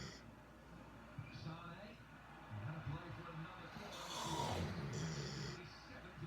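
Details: Leia snores through a soccer match, with another person also snoring in the background.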